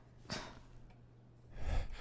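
Two sharp, noisy intakes of breath a little over a second apart, heard as gasping breaths against faint room noise.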